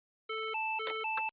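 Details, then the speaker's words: Alternating two-pitch electronic beeps with brief clicks from a LIFEPAK CR2 semi-automatic AED on an adult during hands-only CPR, prompting stop compressions, everyone clear, press the flashing shock button. "stop chest compressions everyone clear press flashing button"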